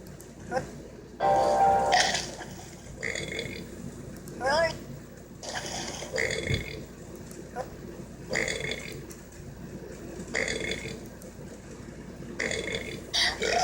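Repeated throaty voiced belches, about ten in the stretch, with music playing behind; deliberate burping.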